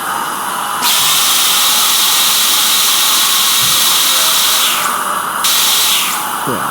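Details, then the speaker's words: Dental drilling sound effect from a surgery: a high-pitched whining hiss of the dental drill running in bursts with suction noise underneath, while the dentist smooths a tooth and tells the patient to open wide. "Just got to drill out a little bit more, just to smooth this off a little bit."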